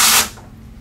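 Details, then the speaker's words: A brief harsh ripping sound as a blood pressure cuff's velcro is pulled open during a blood pressure training demonstration on a seated patient; the noise itself can raise a patient's blood pressure: velcro tearing of blood pressure cuff. "that sound can raise their blood pressure so ideally I didn't really do that right now ideally I will have my blood pressure cuff already open so that I don't need to make that velcro sound for them"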